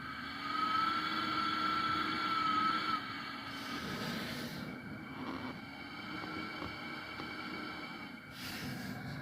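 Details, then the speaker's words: A new ResMed AirSense 10 CPAP with humidifier tank malfunctioning: it whistles on inhalation, not exhalation, starting 2.5–3 hours into use. A steady high whistle rides over the airflow hiss, then fades to a softer tone. "so if your machine's making a whistling noise and this whistles when you're inhaling not when you're exhaling at least this one does if you're having a similar problem this gives you a little more information"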